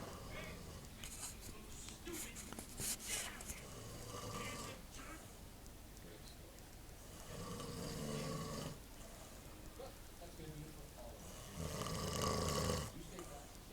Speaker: my dad snores so much and this is proof okay so i gotta get this on camera because he doesn't believe me i say he